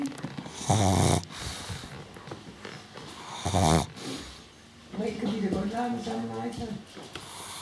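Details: A dog sleeping heavily snores with loud rattling snores in irregular bursts, about three here, with quieter breathing between; snoring.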